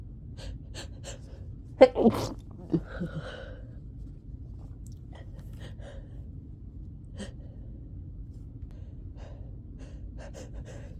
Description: This was a recording from a summer cold I had, and I just couldn't stop sneezing. This was the worst of it